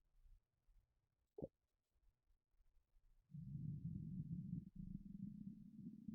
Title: Empty stomach rumbling